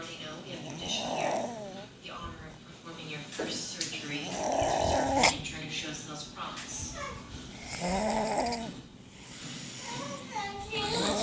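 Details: Person snoring: repeated rough, fluttering snores with each breath, about four to five breaths in eleven seconds, with some background noise.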